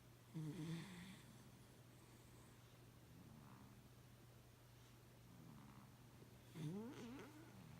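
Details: Two rough, snorting snores about six seconds apart with soft breathing and a low hum between, from a sleeping animal; snoring.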